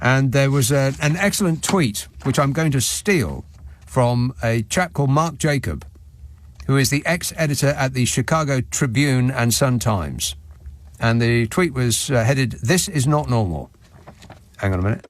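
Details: Adult male speaker; Normal speech.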